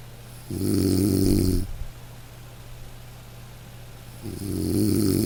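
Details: A sleeping dog snoring gently, mixed with soft light-rain background for a sleep-aid recording: slow rumbling snores, about two in five seconds, over a steady rain hiss.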